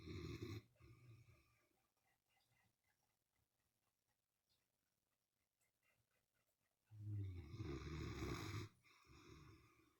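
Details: 12-year-old female Great Dane, after surgery removing her spleen and a 5.2 lb mass, snoring loudly: deep, rumbling breaths, loud at the start and again later, with quiet stretches between.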